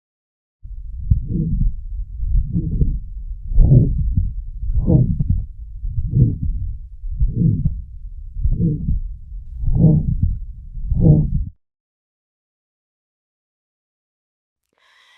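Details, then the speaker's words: Pulmonary stenosis: regular heartbeats about 50 a minute, each with a harsh systolic murmur, with ejection click described; thrill at upper left sternal border. "Pulmonary stenosis causes a decrease in cardiac output and the client will have a harsh systolic murmur and ejection click."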